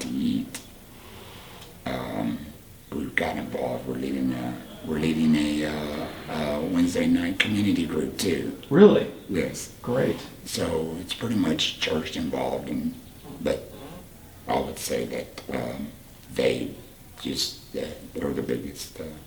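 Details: 38-year-old man speaking with a Provox voice prosthesis after total laryngectomy for cancer; tracheoesophageal speech.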